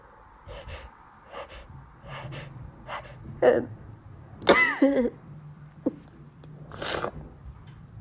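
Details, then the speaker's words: Adult with allergies having a run of sharp, forceful sneezes with quick in-breaths and coughing, saying it's really hard to talk when you have to sneeze; a sneezing fit. "I'm sorry I don't know why I'm coughing so much but yeah it's really hard talking with when you when you have to sneeze"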